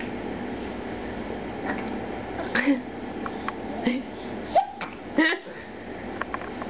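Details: Baby hiccuping: several short, abrupt hiccup sounds, with adult talk in the background.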